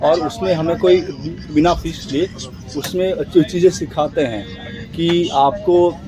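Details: Adult man who says he stammers, speaking Hindi during speech practice on a train while returning from a stammering communication workshop; stuttering.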